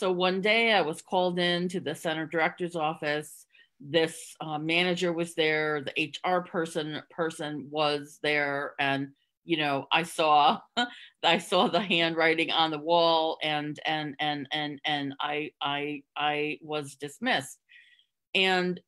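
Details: Stuttering in an adult woman, covert for close to 30 years (hidden using tricks and avoidance) before becoming open; word and part-word repetitions audible.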